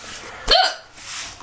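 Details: A single sharp, abrupt hiccup from a child who has the hiccups again, a brief voiced 'hic' against quiet room noise: hiccup.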